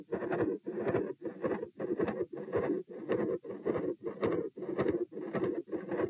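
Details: Heart murmur recorded at position P with the patient standing: loud rushing whooshes fill nearly each whole heartbeat at about 107 a minute. Large continuous murmur around S2, possible patent ductus arteriosus.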